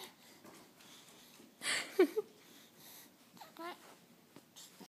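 An infant gives a couple of abrupt, short gulping hiccup sounds, then a brief babble in a quiet room.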